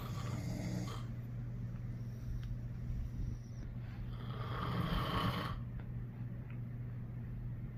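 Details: Loud, steady low rumbling snore with no clear separate breaths from a sleeping dog; ordinary snoring.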